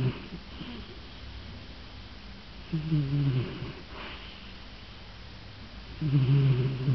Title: A cat snoring